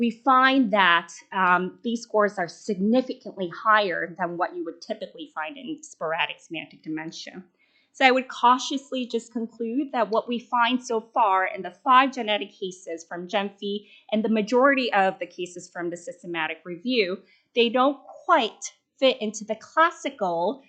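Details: Adult woman; normal speech.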